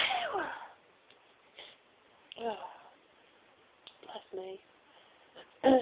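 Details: Sneezing fit after sneezing all day: several sharp sneezes in a row with brief vocal sounds between them in a small room.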